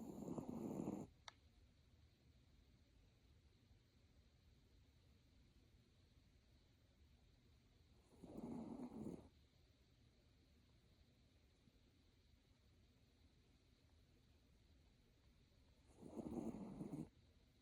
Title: Snuggled in a Plush Throw, Snoring Like an Angel Sparkle Jean’s Sweetest Nap Ever! #SparkleJean 💛